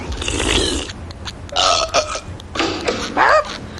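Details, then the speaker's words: Cartoon burping contest (The Simpsons): several loud, drawn-out voiced belches; burping. "but are you burping again maybe what is it with this burping why what's the thrill it's fun it's crude it's vulgar it it's impolite and it's nauseating"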